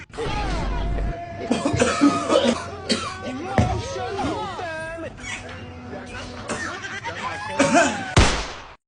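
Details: Man coughing until he had no strength, with throat clearing and screaming around the cough.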